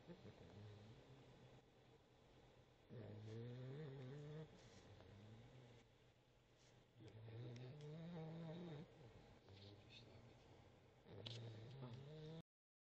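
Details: Sleeping boxer puppy snoring: soft, low, fluttering snores at roughly 15 breaths a minute over a steady background hum.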